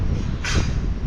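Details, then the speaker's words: Newborn calf just pulled at birth, airways cleared, nose tickled with straw to stimulate it: a single brief hissing puff over low outdoor rumble, a small reflex sneeze to clear mucus from the airway. "grab a piece of straw or something you can tickle their nose get them moving around you can hear him kind of sneeze a little bit"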